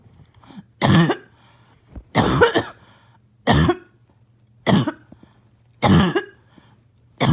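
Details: Choking, barking cough said to have started from an itchy nose and throat; vocal sounds and laughter are heard around the clip.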